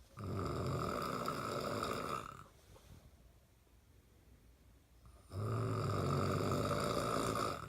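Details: Adult man (a father) snoring: loud, long, buzzing snores on breathing in, separated by a quieter pause; steady snoring from throat vibration during sleep.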